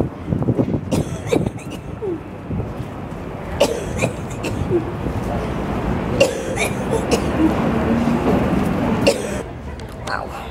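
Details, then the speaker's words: Person with cystic fibrosis coughing outdoors while walking from the car, breathing in cigarette smoke from people nearby: repeated coughing bouts over street and traffic noise. "we made it here but much coughing between the car and I think I cough the entire way and then I realized the person in like a few people in front of us were smoking so I was like trying to breathe through my coughing and I'm breathing in Smoke"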